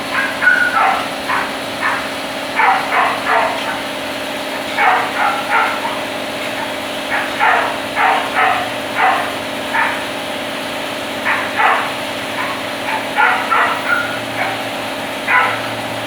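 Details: Cat coughing and wheezing: repeated bouts of short, dry hacking coughs over a steady background hum.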